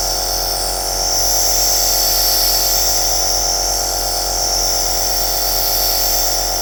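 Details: Aerosol nebulizer machine running continuously in a small room, recorded as white noise for sleep: a steady mechanical hiss and hum.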